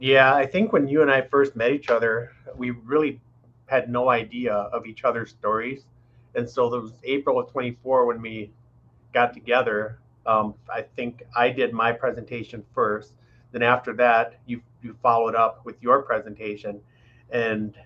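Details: Adult male speaker; normal speech.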